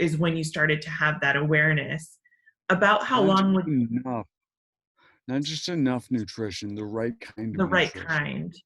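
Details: Adult speaker in a small room; ordinary conversational speech.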